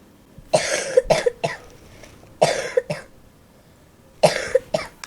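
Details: Example cough sound in an English vocabulary lesson on body noises.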